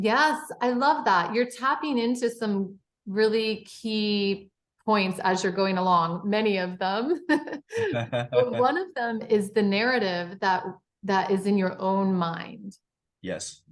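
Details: Adult woman speaking; typical speech.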